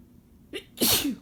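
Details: Adult man's sneeze: a brief in-breath, then one sharp, hissing, ordinary sneeze.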